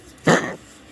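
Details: Pug with a cough: a single short, harsh cough from a small dog in a quiet indoor room.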